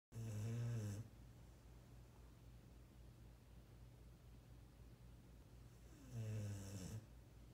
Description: Listen to my sweet 16 year old dog-boy snoring.